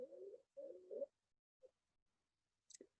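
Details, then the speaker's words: Two harsh, high-pitched musical breath sounds with rising pitch, used as a diagnostic sign in a paediatrics lecture on acute bronchiolitis and bronchial asthma; stridor. "এই যে স্ট্রাইডর বলছিলাম প্রথম দিকে, এই স্ট্রাইডর।"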